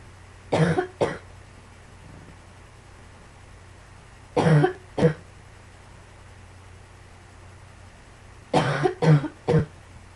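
Three clusters of coughing, two to three coughs each, about seven coughs in ten seconds, against a low steady room hum.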